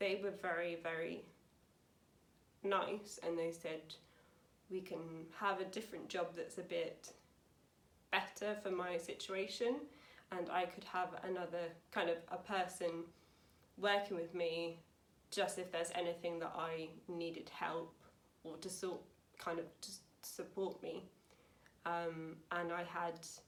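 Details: Woman aged 28 with aphasia after a severe stroke in 2009 at age 18, recorded about nine years later; still has speaking, reading and writing difficulty after extensive speech therapy; aphasia.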